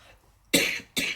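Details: Two short, harsh, dry-sounding cough bursts in a quiet room from an adult recovering from flu, heard during a spoken tarot reading; cough.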